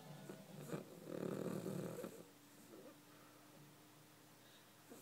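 A dog's rough, fluttering snore on a breath, followed by quieter breathing with a faint steady tone.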